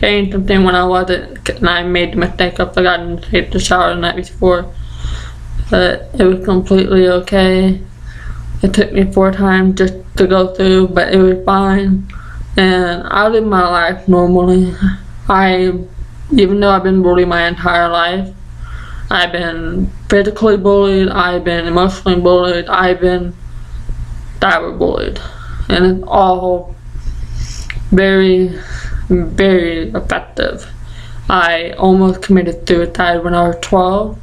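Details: Deaf 20-year-old woman with Usher syndrome and an ataxia she says affects the basal ganglia, present since childhood: deaf speech with ataxic dysarthria.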